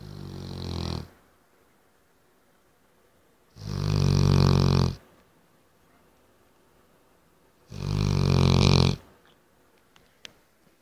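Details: Loud, low rumbling snores, likened to a tractor, from a sleeping Cane Corso dog, about 15 breaths a minute, with quiet pauses between.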